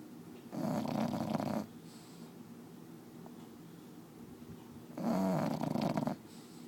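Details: Sleeping bulldog snoring loudly: two long, rattling snores about four seconds apart, with quiet breathing between them.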